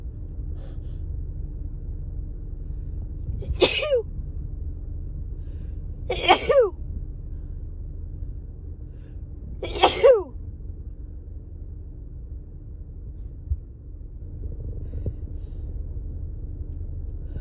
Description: A series of big, tickly sneezes over the past couple days. I’ve had a very itchy, tickly cold that stuffed up my nose and made these sneezes long and drawn out.